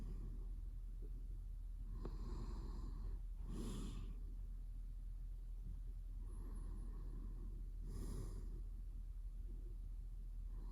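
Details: Adult male (boyfriend) snoring in sleep during REM; he later wakes himself up, with mouth twitches. Soft low rumbling breaths with two louder snorting bursts over about ten seconds.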